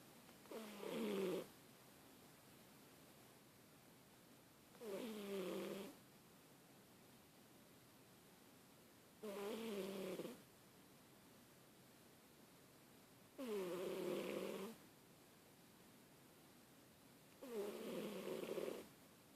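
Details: Sleeping fat cat snoring in steady, evenly spaced rattling bursts, about 14 breaths a minute.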